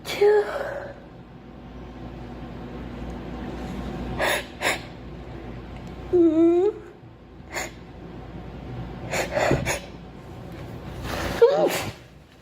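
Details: Several quick sneezes from a girl come at intervals, each a sharp explosive burst, against steady room noise; repeated sneezing.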